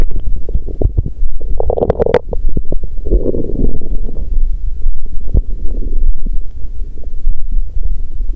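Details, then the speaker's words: A woman's abdomen still rumbling on day two of her period; bowel sounds. ""まだゴロゴロ鳴っている…"。"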